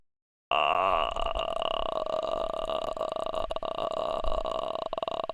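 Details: A man, whose stomach hurt after eating wings, gives one long, loud, sustained voiced belch lasting nearly five seconds; ordinary burping.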